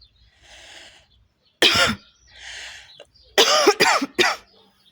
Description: Woman smokes a cigarette and coughing throughout the video. She coughs quite a lot while smoking